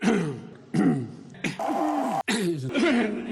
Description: He says he has a cold now, but has aggressive fits of coughing almost every time he speaks in public.